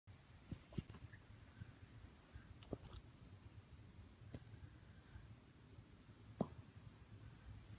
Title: Corgi having crazy hiccups xD